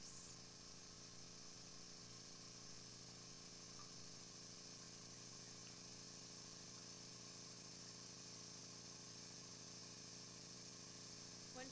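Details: Medi-Aspirator 606 medical suction unit with piston-type compressor running: steady hissing hum with no pauses, with suction pressure set to the ordered value.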